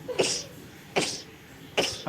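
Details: Girl sneezing rapidly: three short, sharp bursts of air in quick succession, about 0.8 seconds apart.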